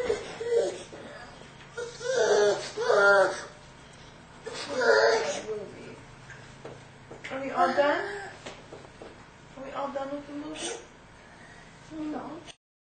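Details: Young girl, not yet talking, cries at an emotional scene in Son of the Mask: whimpering, sobbing cries in bouts with pauses over faint film sound.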